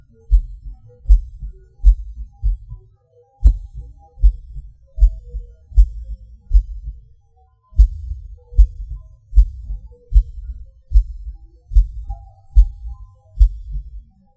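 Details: Self-recorded heartbeat with PVC/PAC premature beats, felt as a sudden rush or falling: a low thudding beat at about 76 a minute with uneven spacing, early extra beats and pauses.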